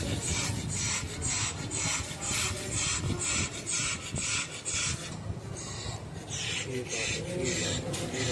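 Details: Dog with pulmonary edema (fluid in the lungs) breathing rapidly with harsh, rasping breaths at about two per second; labored breathing.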